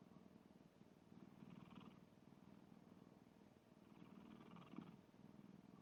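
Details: Black cat snoring while asleep: soft, fluttering, purr-like rumble swelling with each slow breath; gentle snoring.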